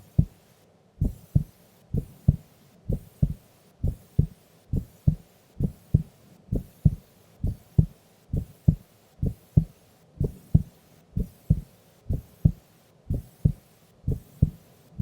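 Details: Sleeping female's heartbeat recorded during an afternoon nap: regular paired lub-dub beats at about 65 per minute with quiet gaps between beats; normal resting heart sounds.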